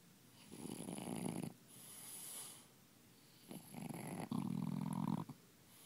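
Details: Snoring.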